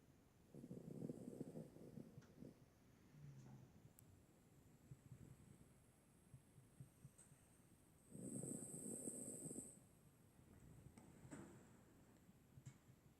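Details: A sleeping dog, either a senior rescue dog or Percy the Labrador, gives two soft rumbling snores about seven seconds apart with quiet breathing and small snorts between them, as in light sleep.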